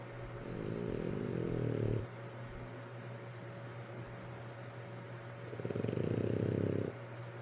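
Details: Snoring while sleeping with Daddy: two low, rattling snores on breathing in, with a quiet pause between them over steady room noise.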